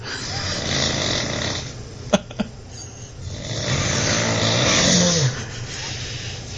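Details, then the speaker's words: A man, recorded at 5:50 in the morning, snoring loudly with long rasping snores on each breath and quieter pauses between them; heavy snoring. "Okay, it's 5:50 in the morning, and I'm going to take you and listen to snoring."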